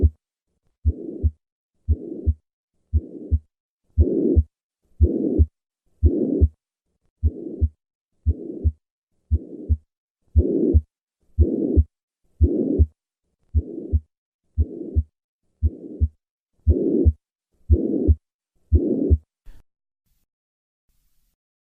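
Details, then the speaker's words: Tricuspid regurgitation at the lower left sternal border: three normal beats, then the murmur added; the murmur increases during inspiration. "listen to a patient with tricuspid regurgitation I will start with three normal beats and then add the murmur this murmur is heard at the lower left sternal border"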